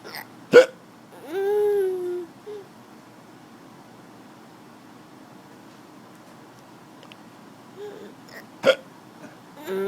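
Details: Two sharp, abrupt hiccups about eight seconds apart in a quiet room, brief vocal sound after the first, as a child and his father trade hiccups: hiccups.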